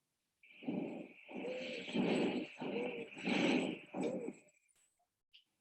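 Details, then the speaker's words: Teaching example of wheezes: a high-pitched musical, flute-like whistle heard throughout the lungs, mainly on breathing out, from airways narrowed by bronchoconstriction. "first up is the wheezes which we call the whistle sounding a lot like this"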